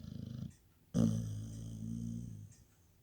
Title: Chip snoring 2019